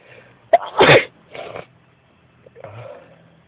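A quick inhaled catch, then a sharp explosive burst through the nose, followed by softer snuffling: a single sneeze.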